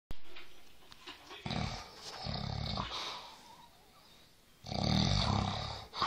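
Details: Man snoring: loud, low, rattling snores come in bursts with quieter breathing between them.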